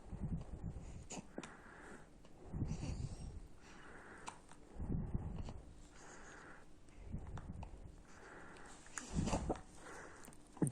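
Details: Newborn baby hiccups, described as normal and healthy: soft, low, jerky bursts about every two seconds, roughly five in ten seconds, against room noise.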